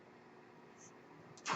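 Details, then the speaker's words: Noise of the speaker's own mechanical ventilator during a podcast recording: a quiet, steady machine hum with a faint hiss, ending in a sudden loud rush of air. "My name is. That noise you hear is my ventilator."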